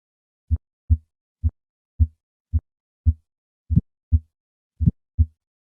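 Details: Simulated heart sounds at about 56 a minute from a bicuspid aortic valve: three normal beats, then a sharp early ejection click after the first sound, then a systolic murmur.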